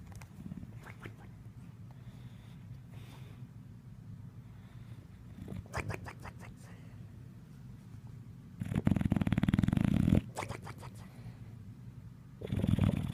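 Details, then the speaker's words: Low, rumbling, fluttering snores over several breaths, two of them loud and coarse, from a sleeping dog; snoring. "Hey, what are you doing? You snoring?"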